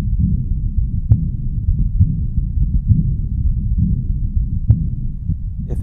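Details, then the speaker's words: Aortic regurgitation at about 67/min with a soft rushing systolic outflow murmur from high flow across the aortic valve. Best at the right upper sternal border, it is quieter than the diastolic regurgitant murmur. "that should be occurring during systole it can be sometimes hard to appreciate with the diastole diastolic murmur occurring and generally speaking it should not be as loud as a diastolic murmur"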